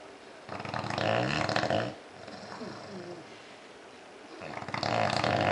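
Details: Loud, rattling snores from two sleeping bulldogs, with quieter snuffling breaths in between; very loud snoring.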